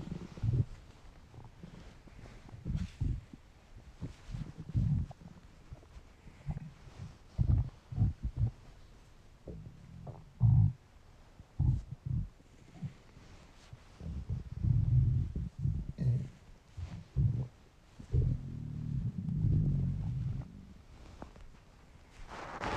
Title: Weird hungry stomach noises